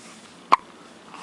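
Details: A single short, sharp hiccup against quiet room noise; a person with hiccups.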